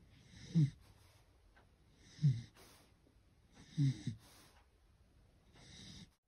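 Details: Sleeping beagle: low, rumbling snores in a quiet room, about four in six seconds, each with a soft whistling edge; ordinary dog snoring.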